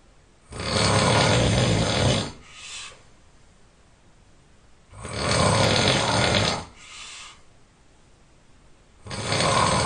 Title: Extremely Loud Snoring